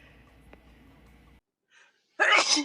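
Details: Single loud, sharp, hissing sneeze after a brief intake in a quiet room.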